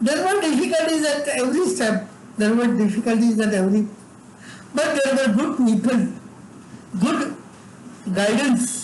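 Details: Adult man with severe cerebral palsy from birth, involuntary tremors throughout his body, and no speech until age eight: dysarthric speech (cerebral palsy)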